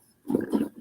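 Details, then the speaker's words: A sleeping female dog, Blue, gives one low, rumbling snore breath in a quiet room. Snoring. "Blue's snoring, guys. I'm sorry. You can hear her snoring."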